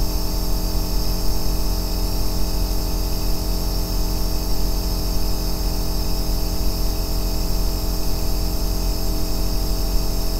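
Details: Aerosol nebulizer compressor running continuously for a 2-hour sleep and relaxation recording: steady deep bass motor hum with a low constant drone and a faint hiss.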